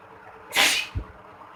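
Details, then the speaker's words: Solo sneezing challenge with sneezing powder (chiikni powder), inducing the sneeze: one sharp, hissing sneeze burst followed by a short low thud; afterwards tears are reported rolling from the eyes. "so this is the chickening and uh I'm going to sneeze it again just for you"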